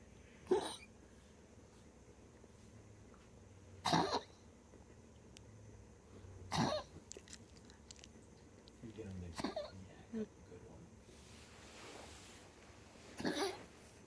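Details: Dog after tracheal ring surgery, coughing constantly while exhaling: five or six short, harsh cough bursts spaced a few seconds apart in a quiet room.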